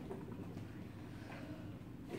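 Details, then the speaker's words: Child demonstrating bubble PEP, blowing through 35–40 cm tubing into soapy water: low, continuous bubbling and gurgling, giving about 10–20 cm H2O of pressure; bubble PEP airway clearance, suited to ages 3–6. "if you put a monometer on this you would get between 10 and 20 cm of water pressure which is a good therapeutic range"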